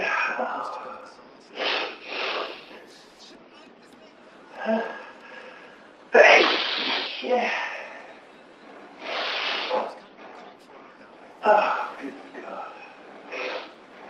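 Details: Prolonged sneezing fit of unknown trigger: repeated explosive sneezes, some with a sharp inward gasp beforehand, over a background of television talk.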